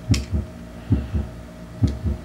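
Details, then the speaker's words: Simulated normal S1 and S2 heart sounds, heard on the left chest of a standardized patient through a ventriloscope and timed with the pulse rise: first sound then second sound. "indeed when i feel the pulse rise i hear the s1 and then the s2"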